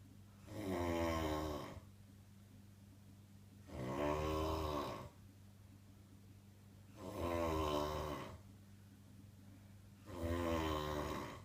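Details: Loud, regular, rattling snores on each breath in, about 20 breaths a minute, with a steady hum behind; snoring.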